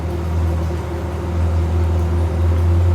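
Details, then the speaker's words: Prototype ultrasonic dry-eye therapy nebulizer (student thesis) running in cold mode near session end, Peltier held at about 17.9 °C, mask 30 °C: steady low droning fan-motor hum. "Prosesnya juga sudah masih berjalan. Kita tunggu, sebentar lagi akan selesai."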